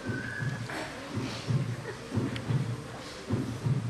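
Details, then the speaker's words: Paired low thumps of a heartbeat through a stethoscope, about 52 a minute, with faint background noise, presented as the typical heart sound heard with a stethoscope. "that is the sound you get when you put the stethoscope. You generally don't do that, doctors do that. But this is the typical sound."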